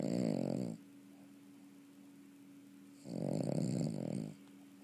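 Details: Sleeping dog snoring: two loud, rattling snores, each about a second long, with quiet breathing between them; snoring.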